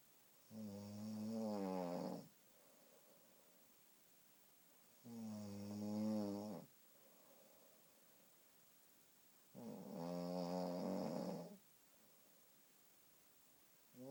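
Three long buzzing snores on breathing in, about 13 breaths a minute, with soft breathing out between: snoring during sleep.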